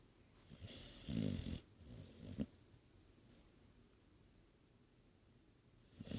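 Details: Dog snoring loudly in sleep while the owner repeatedly calls its name: a loud, rattling snore on the in-breath, followed by quieter snorting breaths; snoring.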